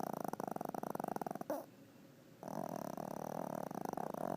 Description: My chunky, lazy, (But Lovable) Chihuahua, Vinny snoring while taking one of his many daily naps!